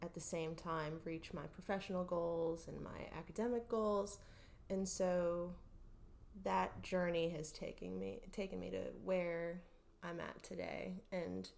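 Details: Adult woman speaking; normal voice.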